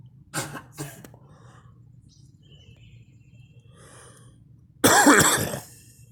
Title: me coughing